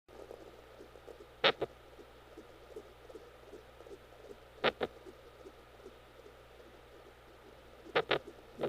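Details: Twin pregnancy, mother in labor, home fetal Doppler: soft hiss with sharp paired thumps about every three seconds, roughly 19 a minute; fetal hiccups, a normal finding.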